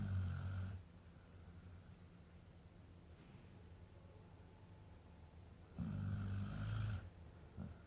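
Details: Deep, low rumbling snores roughly one every five seconds, with quiet breathing between; a sleeping American Akita snoring.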